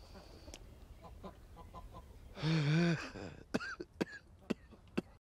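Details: Massive coughing fit after a big vape hit: a strained voiced groan, then four sharp, explosive coughs in quick succession after inhaling vapor.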